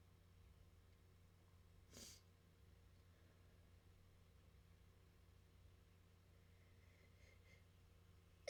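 A single soft, brief sneeze burst over quiet room hum; a faint sneeze.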